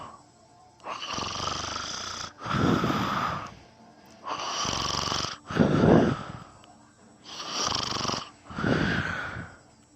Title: Me snoring and sleep talking